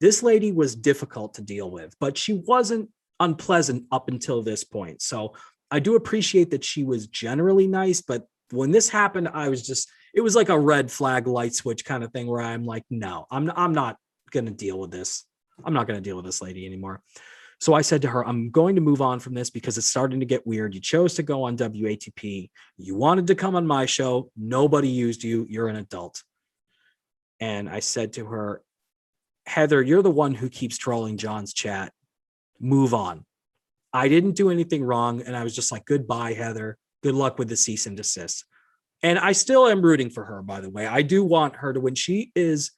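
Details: Adult man speaking; normal speech.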